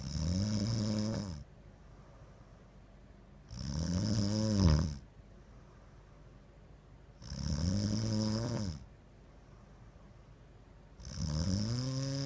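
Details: Snoring during sleep: loud, regular, rattling snores about 16 per minute, each over a second long, with quiet pauses between.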